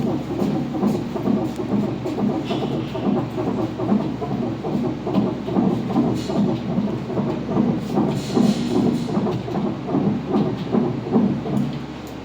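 Rapid, regular whooshing pulses of a fetal heartbeat on ultrasound Doppler, about 146 a minute; a normal fetal heart rate.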